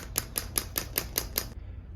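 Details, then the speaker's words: Seven sharp, evenly spaced clicking pulses, about five per second, from a STORZ focused extracorporeal shockwave therapy device being self-applied deep into the knee joint, up to about 6.5 cm, to treat an old meniscus tear. "I am treating an old meniscus tear and I'm delivering Focus shock wave deep into my knee joint this this particular setting will go up to about 6 and 1 half CM deep and when you're on the target tissue you can feel it right there"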